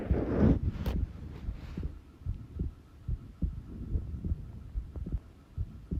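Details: Soft, low, regular thumps with a faint steady hum behind: recorded normal heart sounds at rest.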